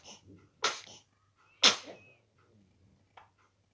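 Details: Two sharp, hissing sneezes about a second apart, each preceded by a brief inward breath, then a faint third puff: sneezing.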